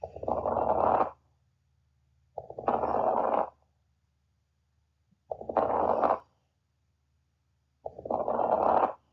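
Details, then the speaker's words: Fine crackles: soft, high-pitched, very brief sounds late in inspiration, like hair rubbing together, indicating fluid and mucus in airways; heard in interstitial pneumonia, pulmonary fibrosis, congestive heart failure, COPD. "fine crackles manifest as soft high pitch and very brief sounds it sounds like hair rubbing together it indicates the presence of fluid and mucus in the Airways"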